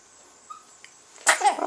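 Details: A quiet pause, then one sudden explosive sneeze from a male. Sneeze.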